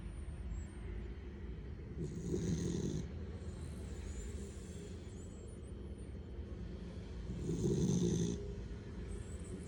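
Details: Two soft rasping snores about five seconds apart over a steady low background hum, from a sleeping pet: snoring.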